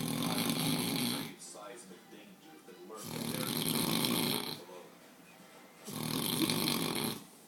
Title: snoring it up